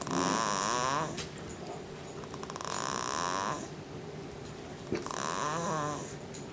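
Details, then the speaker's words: Snoring in a 2-month-old asleep on an adult's belly: two long rattling snores with a quieter breath between, room noise behind; snoring attributed to her sleeping position. "She must have really needed to sleep there. She's sawing logs at the age of 2 months."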